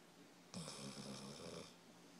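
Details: A very sleepy subject snoring: a single rough, buzzing breath lasting about a second over quiet room noise.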